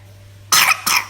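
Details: Young child (baby boy) wearing a Mickey Mouse headband: two short, sharp coughs in quick succession; cough.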